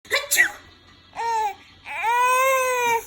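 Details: Baby crying: short fussy sounds, then two drawn-out, steady, high-pitched wails, with low room hum behind.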